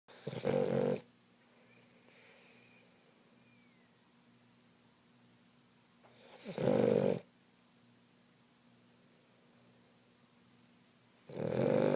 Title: Whose snoring?